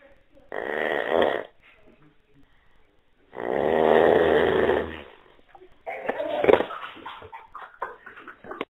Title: Sforait ingrozitor / terrible snoring